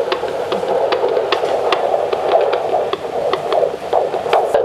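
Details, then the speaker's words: Rapid whooshing pulses, about 150 a minute, over a steady hum: a fetal heartbeat picked up by Doppler during a routine antenatal care visit at a clinic in Ghana. "hearing the heartbeat of the unborn children is proof that everything is all"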